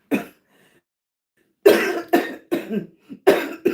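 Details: Adult woman with lupus and anti-Jo-1 antibody lung involvement, never a smoker, gives one short cough, a pause, then about five harsh, fairly wet coughs in quick succession: chronic cough.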